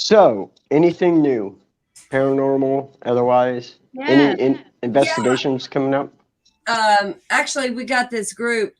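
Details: Adult speaker; normal speech.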